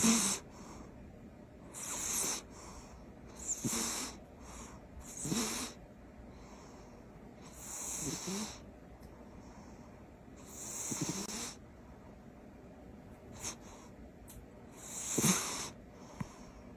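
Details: Sleeping cat snoring loudly: regular rasping, snorting breaths every two to three seconds, about 22 a minute.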